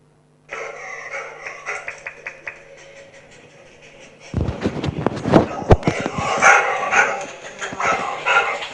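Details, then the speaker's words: Labrador with laryngeal paralysis, excited and sniffing for treats: harsh noisy stridor on both inspiration and expiration. "now this dog has both inspiratory and expiratory strider and it's a labrador"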